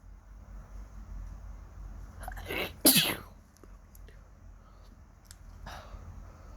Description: I woke up in the morning and my nose is suddenly feeling itchy...